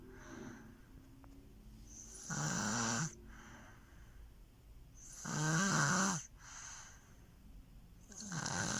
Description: In this video I caught my baby snoring loud like her daddy 😅 please watch like and share ❤️